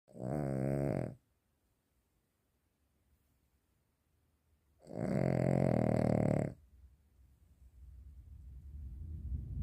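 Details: Cavalier King Charles Spaniel dog snoring: two loud, rattling, low-pitched snores with a quiet pause between, then softer breathing noise; snoring.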